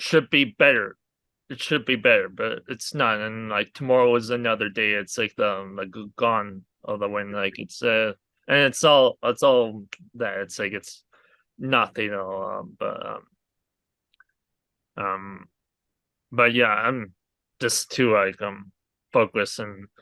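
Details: Aphasia in an adult man after a hemorrhagic stroke from an arteriovenous malformation at age 20, years into recovery with speech much improved over the past three years; many fillers and broken phrasing.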